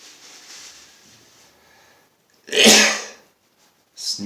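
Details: A quiet lead-in, then one loud explosive sneeze and the start of another, from a man sneezing nonstop since the morning with a headache; he blames allergies, though the weather is chilly.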